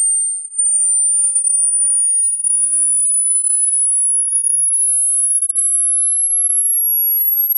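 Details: An online hearing test: a steady pure whistle-like tone slowly rising in pitch, a frequency sweep for judging how old one's ears are.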